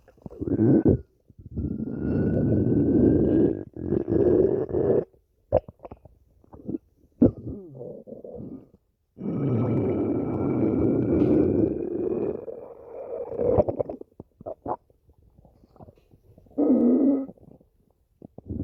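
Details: Stomach growling (borborygmi): loud, long, low groaning growls with squeaky whine-like rises and short gurgles between.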